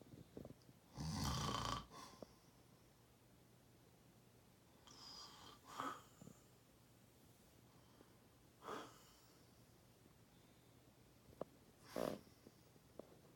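Rough, rattling snores on the in-breath, about four in the clip, spaced several seconds apart over quiet room noise; ordinary snoring.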